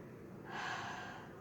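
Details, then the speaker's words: Cystic fibrosis respiratory physiotherapy exercise: a very relaxed, slow, warm breath out through an open glottis, meant to be noiseless, slightly noisy here; airway clearance exhalation. "on n'entend pas un petit peu de bruit on va faire la même chose mais vraiment très très relâché ya pas de bruit c'est juste un souffle d'air très chaud"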